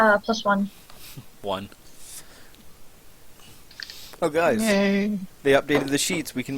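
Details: Adult speaker; normal voice.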